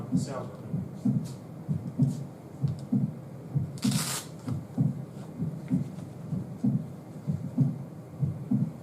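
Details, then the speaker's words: Aortic regurgitation murmur with mild stenosis, at a regular rate near 65 a minute: soft turbulent rushing heard after the second heart sound as blood flows back into the ventricle once the aortic valve closes. "now we have regurgitation so in this case you have a little bit stenosis causing this sound but after the valve closes this is the second sound love du after the a valve closes you're getting back float into The ventricle so you're getting turbulent sound after the Val closes"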